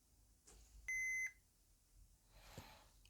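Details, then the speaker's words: Philips HeartStart AED in a hospital, demonstrated by a resuscitation officer: one clear, steady electronic beep as the self-test finishes and the device is ready for use, with the green light flashing. AED self-test completion beep. "is now ready for use we can turn it off check that the green light is flashing intermittently and then your defrib's ready to go"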